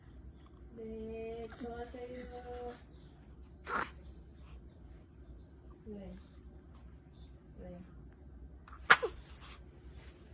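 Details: 21-day-old infant sneezing: a short, sharp sneeze amid quiet room noise, with brief adult voice sounds earlier; a normal newborn sneeze.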